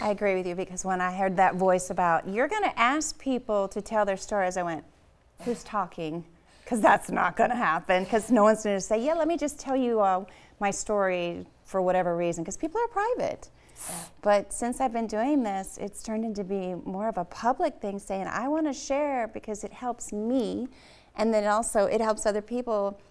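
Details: Adult woman speaking; normal speech.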